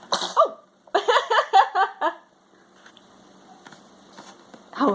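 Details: A young child gives a quick run of short, voiced, playful cough sounds, a deliberately pretended cough.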